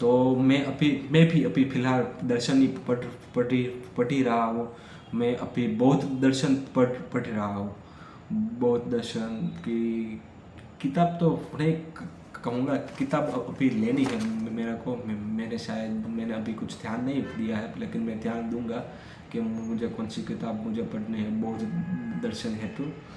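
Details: Stuttering in an adult male who stammers, recorded during day 5 of a daily speech practice routine, speaking freely as continuous-speech practice.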